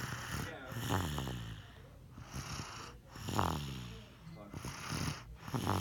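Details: Rough, rattling snoring breaths in an uneven rhythm, roughly 26 a minute, with some background noise; snoring.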